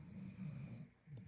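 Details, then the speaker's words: Pet named Jack snoring on the couch: a low, rumbling snore with a brief pause before the next snore begins. "Can you hear Jack snoring? Yay."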